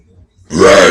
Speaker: hello today I will be burping names yeah let's go with the first one